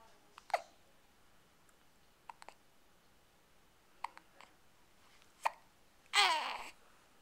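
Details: Person with hiccups: quiet, abrupt little catches at irregular intervals, about five in seven seconds, ending with a brief breathy sound.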